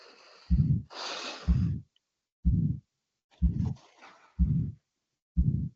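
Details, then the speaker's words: Aortic stenosis heart sounds at about 62 beats a minute, with a harsh crescendo-decrescendo systolic ejection whoosh between beats as the left ventricle forces blood through the narrowed aortic valve. "So you can see at the peak it's essentially the left ventricle trying to uh trying to display such a force that um that the I the iotic valve will open in all in one go and um um all of that blood will enter the iota at the same time."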